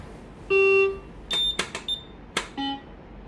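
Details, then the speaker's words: Maquet ventilator with a pressure sensor (pressure transmitter) error, switched on for a pre-use check: series of short electronic beeps and tones over quiet room hum; ventilator self-check beeps; error persisted despite expiratory cassette replacement. "Okay, so this video we are going to see about the Maquet ventilator is having the pressure sensor error, and let's switch it on and use a pre-check now. So I'm going to do the pre-check."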